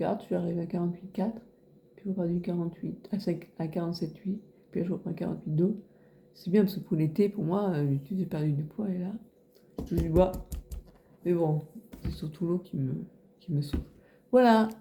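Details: Man of nearly 90 with aphasia for over 30 years after a hang-gliding accident that caused a head injury and a month-long coma; possibly his own voice or his daughter's imitation of it; aphasia.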